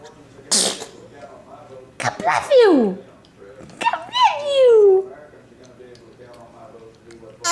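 A sharp burst sneeze followed by squeaky, whining vocal sounds in a quiet room.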